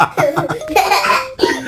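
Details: A child eating sweet potato makes quick voiced catches that build into a noisy explosive burst, followed by a shorter second burst; sneeze.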